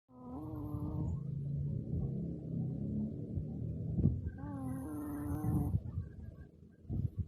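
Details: Shih Tzu dog snoring with low rattling breaths and a whistling, honking tone on some breaths.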